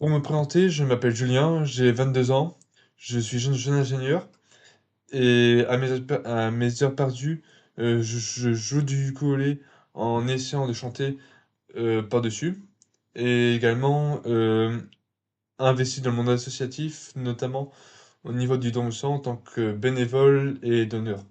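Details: 22-year-old man who has stuttered since early childhood, which was marked by a slight speech delay; stuttering.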